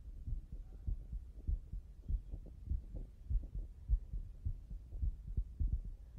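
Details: Simulated sports checkup of a young male athlete before a competition, slightly nervous, at rest: regular heartbeat about 100 a minute, clear lub-dub, no extra sounds; normal heart sounds before exercise.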